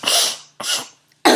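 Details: Phonic tic of Tourette syndrome: three quick, breathy throat-clearing bursts in a row.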